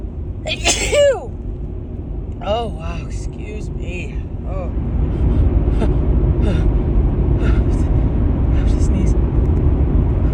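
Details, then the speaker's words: Female with a dust allergy sneezing in a car in the morning: one loud sneeze burst with a gasping intake, then quieter sniffs over steady road noise; she says she can't stop sneezing. "oh I just can't stop sneezing this morning I think I should sneeze again"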